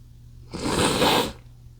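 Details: Adult male after inhaling chikni sneezing powder, trying to stifle it: a single forceful, hissing sneeze, partly held back but escaping through nose and mouth in under a second; stifled sneeze.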